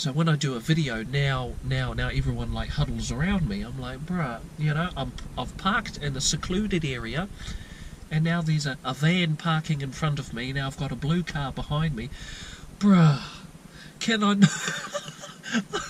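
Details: Lifelong stuttering since childhood in a 22-year-old man from New Zealand, never treated, with repetitions and blocks mostly at the beginnings of words.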